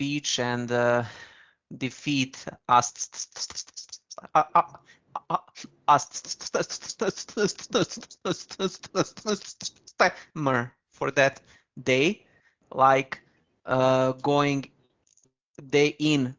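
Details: Man with a stammer who once spoke very slowly to control it; stuttering in conversational speech.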